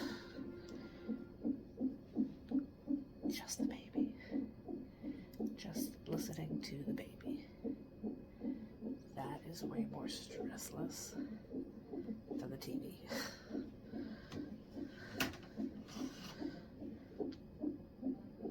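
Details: Fetal heartbeat heard at a prenatal appointment in a second or third trimester pregnancy.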